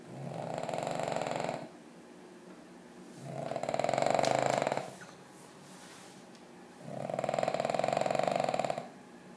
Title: My dog snoring